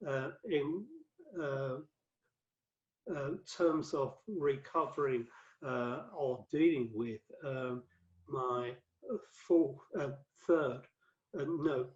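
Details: Adult male with aphasia after a 2013 stroke that left him paralyzed; five strokes (2007–2015), cerebral amyloid angiopathy; mainly word fluency, worse when tired or stressed, with reading and writing difficulty; aphasia.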